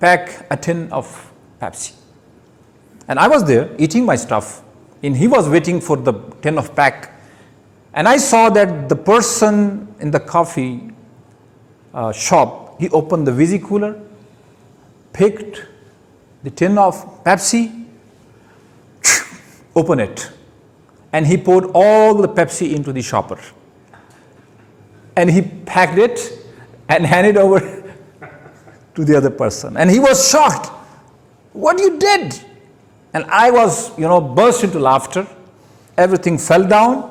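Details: Stuttering in an adult male giving his first public speech at Toastmasters, with word and phrase repetitions.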